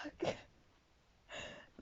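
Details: Two sharp, breathy gasps building up to a sneeze during a painful, unusual sneezing fit at 2:40 a.m., described as kind of feminine sneezes.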